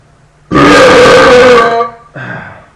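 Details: Deliberate burps recorded on a laptop microphone: one loud, drawn-out guttural belch over a second long, then a shorter, softer one; burping.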